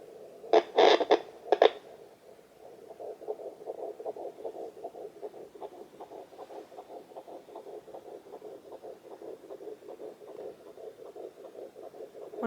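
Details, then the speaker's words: Home Doppler at 11 weeks of pregnancy in a 42-year-old, probe placed low just above the pubic bone: a few probe scrapes, then a rapid, steady whooshing fetal heartbeat about 154 beats a minute. "okay I don't know if you can hear that but that's my [Music] heartbeat so I have to go really low like it's right above my pubic bone that's me [Music] again"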